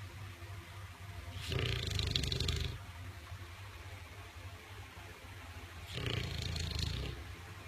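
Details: English Bulldog: two loud, deep, rumbling snores over steady low room hum; heavy snoring.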